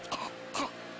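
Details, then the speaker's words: Two harsh, honking cough bursts from a dog with kennel cough, a highly contagious respiratory disease, during an outbreak among dogs. "That distinct cough, is the primary symptom of kennel cough."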